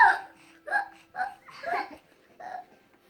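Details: Breastfeeding infant boy who often gets hiccups lasting five to ten minutes; parent suspects reflux. Five short, abrupt voiced squeak-like catches in a quiet room: infant hiccups.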